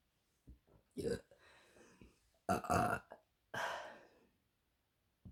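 A few low, rumbling throat sounds, then three loud drawn-out belches in a quiet room; ordinary burping.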